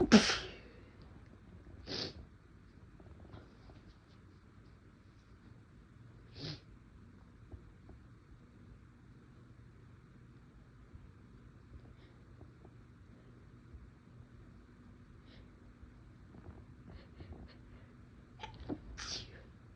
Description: some induced sneezes, my nose felt a little tickly, had to try to stifle a little at one point but it didnt work out the best